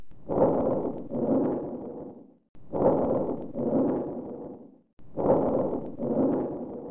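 Three breath cycles with soft inspiration and a strong, long-drawn expiration, a sign of airway obstruction.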